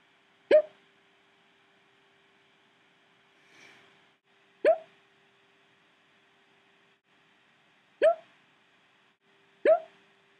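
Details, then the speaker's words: A person who says he gets hiccups all the time makes four short, abrupt gulping sounds a few seconds apart in a quiet room. Hiccups. "this is not my video for the week but it is a special video just for you I have the hiccups"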